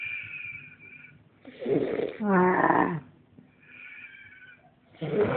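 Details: Loud, harsh snoring: a rough, rattling breath in followed by a groaning, voiced breath out, with quieter breathing between.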